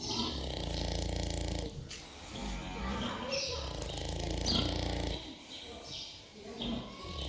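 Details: A pig taking a short nap: loud, rumbling, grunting snores separated by short pauses; snoring in sleep.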